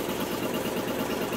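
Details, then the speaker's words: GE 1.5T MRI scanner patient table motor bringing the table all the way out automatically after a brain scan, with a phantom in the brain coil: steady mechanical motor drone, normal equipment sound. "that's going to bring it all the way out automatically all the way out okay so it's coming out"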